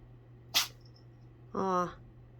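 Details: Pet cat gives a single short, sharp sneeze, followed about a second later by a brief human voice saying bless you.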